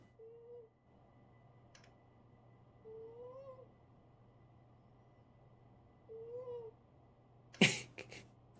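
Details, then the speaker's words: Snoring in a napping pet cat, played back from a recording: faint, squeaky, whistling light snores about every three seconds. "Actually, hang on. I made a recording of uh Sushi snoring. Let me uh let me play that."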